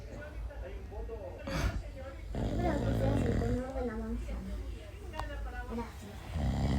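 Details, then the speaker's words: Adult father snoring loudly beside his baby during a nap, loud rough rumbling breaths with a low fluttering rattle on each, while the baby sleeps on undisturbed. "cuando duerme en la siesta el bebé y el papá ronca no entiendo cómo no se despierta con el"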